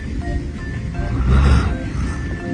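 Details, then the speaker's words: A sleeping wolf snoring, rough rhythmic snores, recorded at a wolf breeding base in Xinjiang, China, with a phone resting on its paw. "你们听过狼打呼了吗？就是这种感觉，哎，贼拉帅，知道吧？"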